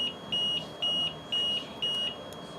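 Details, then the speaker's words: Repeating high-pitched double beeps, four pairs in under three seconds: a ventilator high pressure alarm, as may sound in a ventilated child with a plugged tracheostomy tube. "if your child is on a ventilator a high pressure alarm may sound"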